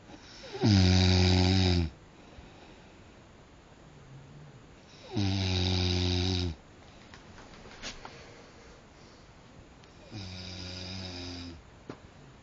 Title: Snoring